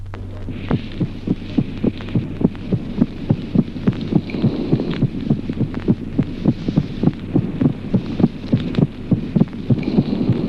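Regular heart sounds over a steady low hum, with a sharp extra click late in systole just before the second sound: a late systolic click.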